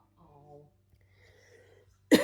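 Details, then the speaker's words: Adult still recovering from illness with a lingering cough that sounds like a chain smoker's, though feeling better; cough. "Um I still have a cough and I still kind of sound like a chain smoker a little bit. Um but I'm feeling better."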